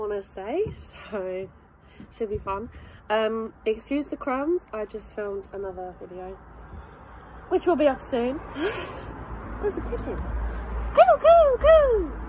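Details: Vocal tics of Tourette syndrome in a 22-year-old woman doing the alphabet challenge; tics are involuntary and triggered by hearing her partner say letters; filmed October 2020, before her formal Tourette's diagnosis.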